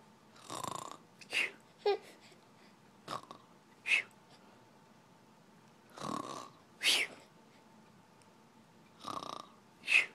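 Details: Snoring: irregular noisy snorts and rattly breathing sounds about every three seconds, with quieter breaths between.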